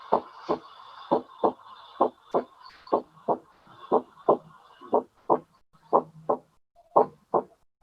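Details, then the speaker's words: Physiology class lab recording of normal heart sounds played for students to tell S1 from S2: paired lub-dub beats about 60 a minute, short silence after the first sound and long silence after the second. "si notaron que si hay un silencio corto y que si hay un silencio largo sí excelente"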